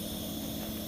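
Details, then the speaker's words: Nebulizer treatment running continuously through the circuit of a CareFusion ReVel ventilator, set for 15 minutes, in an operating demonstration: a steady mechanical hum with a continuous nebulizer hiss, normal device operation. "I of course would hook that up to my tee piece and monitor my patient appropriately you can see that my nib is running on the ventilator"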